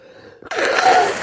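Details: Adult male sneezing during a severe head cold with heavy nose-blowing, later followed by sinus infection; short indrawn breath then one explosive sneeze in a small room.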